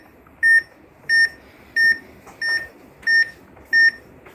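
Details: Training demo on a manual defibrillator's monitor with 3-lead ECG on lead II: six regular high-pitched QRS beeps, about 91 a minute, one per heartbeat, from a simulator showing normal sinus rhythm.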